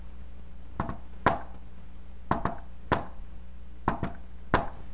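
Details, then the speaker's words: Hand-tapped imitation of an S4 gallop, not a real heart: triplet knocks in a "Ten-nes-see" rhythm, with S4 falling just before S1 and then S2. "now s4 is so close to s1 that when I do rid of fashion might not even notice look at this cuz it sounds like Tennessee Tennessee Tennessee Tennessee it's 4 s 4 s 1 s 2"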